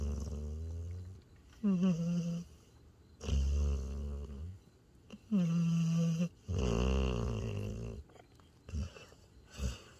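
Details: Tired border collie–Australian shepherd mix asleep in owner's arms by a campfire after a hike, snoring: repeated low, rattling snores in a regular breathing rhythm with quiet pauses between.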